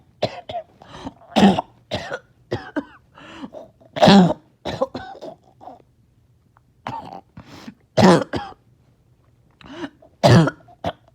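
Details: Productive cough after a breathing treatment, part of nearly 40 minutes of painful mucus clearing: repeated harsh, wet coughs with throat clearing and gurgling between bursts, choking on phlegm.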